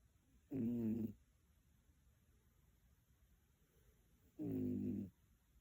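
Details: Two rumbling snores about four seconds apart, roughly 15 breaths a minute, from Kyo-chan, a sleeping dog, recorded 14 May 2023; ordinary snoring.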